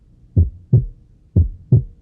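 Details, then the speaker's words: Normal heart sounds: two clean cycles of paired low thumps, lub (S1, atrioventricular valves closing at start of systole) then dub (S2, semilunar valves closing at end of systole), about 60 beats per minute. "El segundo ruido cardíaco se produce cuando las válvulas semilunares se cierran al final de la sístole, cuando los ventrículos se relajan después de bombear sangre."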